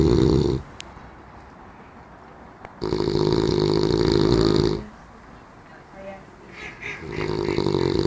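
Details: Man heavily snoring in sleep: loud, rough inspiratory snores about two seconds long, separated by quiet pauses.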